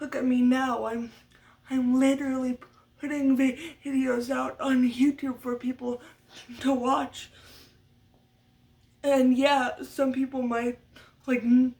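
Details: Adult woman who stutters, a stutter she attributes to muscle tightness from cerebral palsy (brain damage as a baby); speech therapy from a young age through senior year of high school; uses techniques but will always stutter; stuttering.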